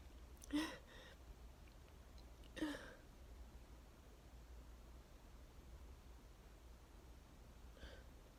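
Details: Two quick sneezes then a softer third over quiet room noise; part of a 34-sneeze sneezing fit with nose blowing, attributed to neighbors cutting grass, apparently allergic.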